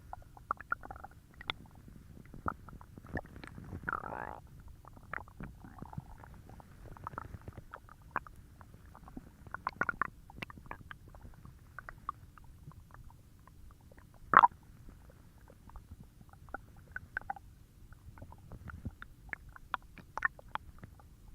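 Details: Stomach growling (borborygmi) lasting about 1 minute 11 seconds: repeated soft gurgles, pops and brief squeaks with irregular quiet gaps.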